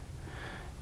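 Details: Adult woman snoring while asleep in the morning at a camp: a brief low, rumbling snort-like breath sound.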